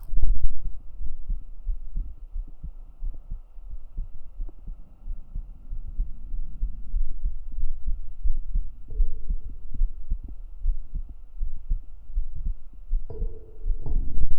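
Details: Real heartbeat recorded up close on the chest with binaural microphones: steady, deep low thumps with faint hum; normal heartbeat, ASMR recording with whispers.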